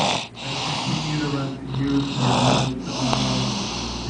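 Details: Snoring: loud, rough, rattling snoring through most of the clip with background noise; audio only, sleeper not visible.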